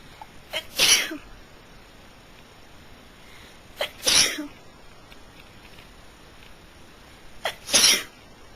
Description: this is a video of me during a really bad allergy fit